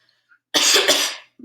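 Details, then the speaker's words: Normal voluntary cough on request after a sip of honey-thick liquid from a cup rim during swallow assessment; one strong, dry, clear cough with no wetness or rattling on the vocal folds. "so i'm not hearing any wetness or vocal folds i'm not hearing any rattling around on the vocal folds during the cough as well"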